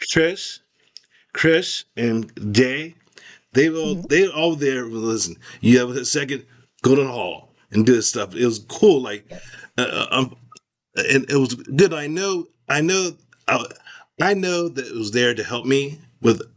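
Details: Man with aphasia after a significant stroke in 2022; expressive language was severely affected early on, and he is still recovering with speech therapy. Finding: aphasia.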